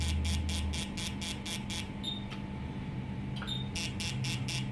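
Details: Fractional CO2 laser treatment for acne scars: rapid bursts of high buzzing pulses with brief pauses and short beeps over a low room hum.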